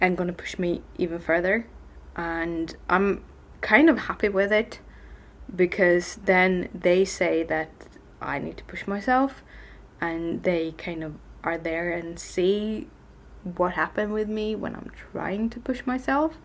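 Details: Adult woman with tics, on a bad day with her speech impediment present since waking, worse in Swedish than English; blocks where words won't come out or come one at a time; stuttering.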